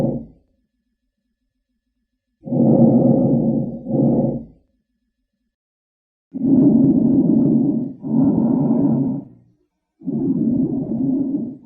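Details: Loud, long, musical wheezing with each breath, repeating in cycles, in a smoker with COPD; widespread wheeze from narrowed airways.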